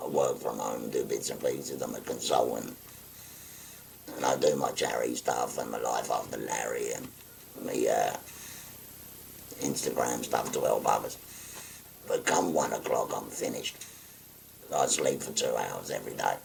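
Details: 57-year-old man, real patient, after total laryngectomy for stage four laryngeal cancer spread into the thyroid, speaking through a voice valve by pressing a button over the stoma; sometimes uses an electrolarynx; tracheoesophageal speech after laryngectomy.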